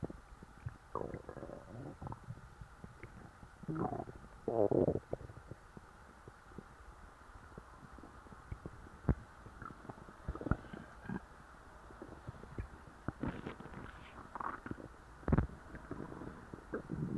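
Low gurgling and rumbling from the belly with scattered pops and squeaks, ordinary stomach growling after a large meal.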